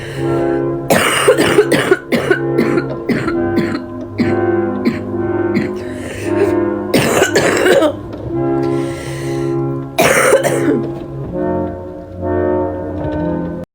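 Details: Adult woman on her third bout of bronchitis gives several loud, wet, chesty, congested coughs with throat clearing over background music: wet productive bronchitis cough.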